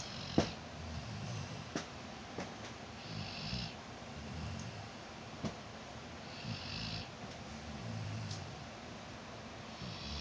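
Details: Puppy snoring: soft, low snuffling snores repeating against steady room noise, with a few sharp clicks.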